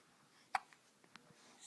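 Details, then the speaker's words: Infant girl with hiccups while her parent talks to her: a single sharp, abrupt hiccup followed by a few faint softer clicks in a quiet room. "oh those hiccups huh they're no fine they're no fun huh but it's okay they'll go away yes they will"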